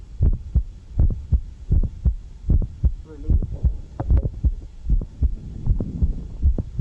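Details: Heartbeat about 77 a minute with a sharp mid-systolic click; the click shifts in timing as the patient alternates squatting and standing, sometimes followed by regurgitation after the click, as in mitral valve prolapse.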